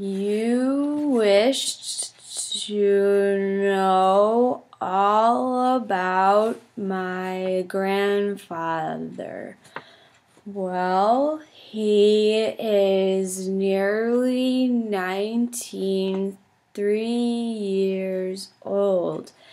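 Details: Demonstration of a stuttering-therapy fluency technique while reading the Grandfather passage: fluency-shaping speech (easy relaxed approach with smooth movements).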